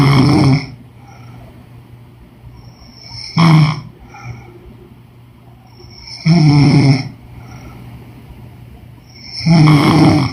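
Deep, loud snores roughly every three seconds over a steady background hum; snoring.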